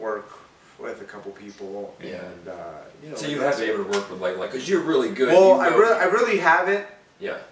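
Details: Adult male speaker; speech.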